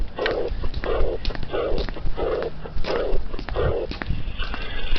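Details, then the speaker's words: Teaching recording of an aortic regurgitation murmur: regular heartbeat near 88 a minute with a soft blowing diastolic murmur fading after the second heart sound, from backward flow from aorta into left ventricle. "turbulent flow here is occurring during diastole, when there is a pressure gradient between the aorta in green and the left ventricle in blue."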